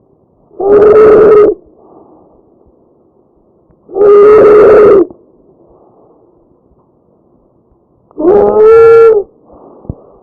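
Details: Loud, high-pitched musical noise with each breath, about 17 breaths a minute; tracheal stridor from a narrowed upper airway.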